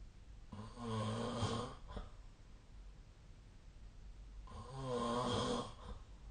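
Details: Sleep snoring recorded with a snoring-tracking phone app: two loud, rough, rattling snores on breathing in, about four seconds apart, with quiet breathing between.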